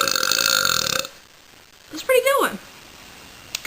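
After a burst of background noise and a short quiet gap, one croaking, voiced belch lasting about half a second: a single burp.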